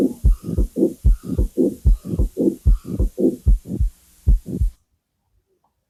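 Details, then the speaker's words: Mid-systolic click followed by a short late systolic murmur in each beat, regular rate near 74 a minute, from mitral valve prolapse. "That's nothing but uh late systolic murmur."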